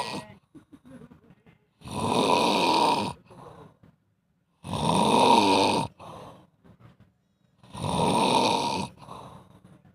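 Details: Very long, loud snoring, billed as the world's longest: rough, buzzing snores on each breath in, about one every three seconds, with quiet breathing out between them.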